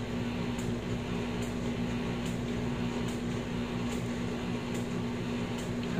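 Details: Wisemom Pocket electric breast pump demonstrated in massage mode, which auto-shifts to expression mode after about 2 minutes: steady low motor hum with faint rhythmic pulses under it.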